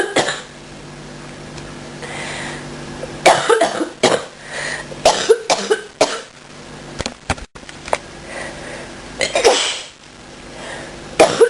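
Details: Adult getting over a cold and bronchitis, feeling much better, gives repeated harsh coughs in several bursts, at first trying unsuccessfully to hold them back: cough.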